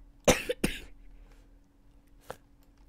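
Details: Two quick harsh coughs followed by a softer single cough, over a steady background hum, during a gameplay recording.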